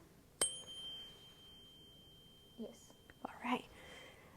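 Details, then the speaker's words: A struck tuning fork rings with a clear, pure tone that slowly fades, placed on top of the head during the Weber test for equal hearing in both ears, in a demonstration head-to-toe physical exam. "So, next up, I'm going to use a tuning fork. It's going to make a noise kind of like what you can hear here. I'm going to ring it and I'm going to place it on the top of your head up here. And I want you to tell me if you can hear it the same on both sides."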